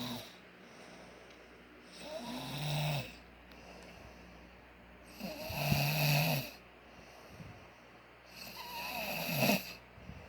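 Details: Snoring: regular rattling snores on each breath, about 18 breaths a minute, over a steady background hum.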